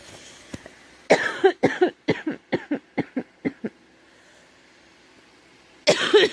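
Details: Girl with a scratchy, sore throat who thinks she is getting a cold: a loud first cough, then a fit of about ten short, rapid coughs, silence, and one more cough.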